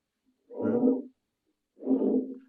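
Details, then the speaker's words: Faint breath sounds played on a canine auscultation training simulator through a stethoscope, shown in contrast with heavy breathing: two soft, low, very light whooshing breaths that are hard to hear. "Now, if I try it with some, the differences from heavy and faint. And faint may be a little harder for you to hear. As it's very light."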